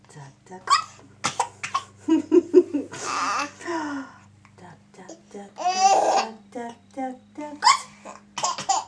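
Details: Young child giggling and laughing, with short, sharp, abrupt voiced catches between bursts of laughter, typical of hiccups.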